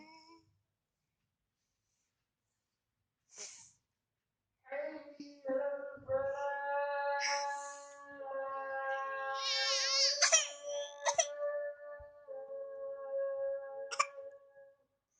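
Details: Infant cry: short whimpers build into a high-pitched, wavering cry in a quiet room.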